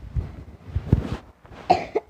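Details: Adult coughing: brief run of short coughs, some muffled and low, ending with two sharper bursts.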